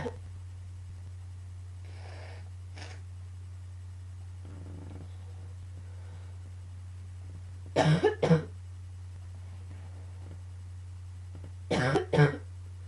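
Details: Coughing fit combined with allergies: two bursts of double coughs in a quiet room with a steady low hum, plus softer breathy sounds that may be sniffles or sneezes.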